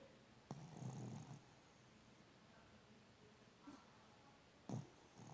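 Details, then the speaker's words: Two loud, low rumbling snores about four seconds apart with a faint one between, over quiet room noise, from a sleeping dog that keeps on snoring. "dá para parar de roncar por favor você é louco mano para de roncar um pouco aí"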